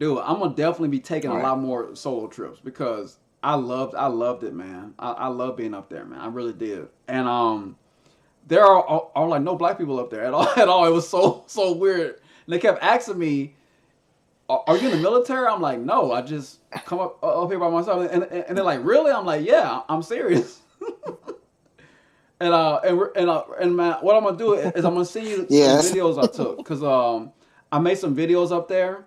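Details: Stuttering in a man who stutters and uses a SpeechEasy device, a Bluetooth earpiece with a phone app that feeds his own voice back to him.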